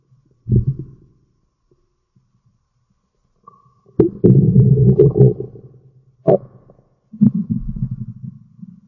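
Low gurgling, rumbling growls in bursts with quiet gaps: ordinary stomach growling, normal bowel sounds.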